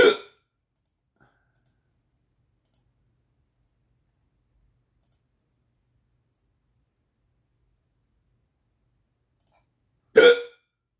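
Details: Two brief, sharp gulping hiccups about ten seconds apart in a quiet room; persistent hiccups that will not stop, the fourth bout that day.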